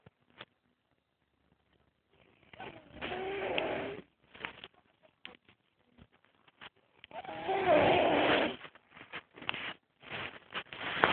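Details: Napping subject making weird snoring noises: two long, rough, gurgling snores about five seconds apart, with soft snorts and clicks between; irregular snoring.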